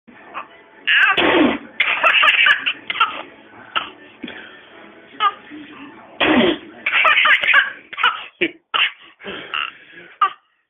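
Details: A baby girl laughing and coughing.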